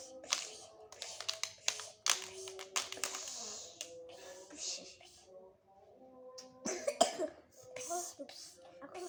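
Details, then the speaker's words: Child sick with a cough and a cold (runny nose), coughing while unboxing a toy: several short, sharp cough bursts between play noise and faint music. "lagi batuk teman-teman sama pilek."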